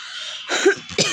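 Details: Real, not simulated, cough during a cough challenge, cough without a cold: a brief hissy sound, then two short coughs; cough.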